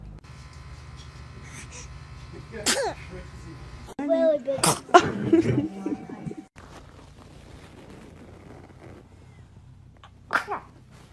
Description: Cute Baby Sneezing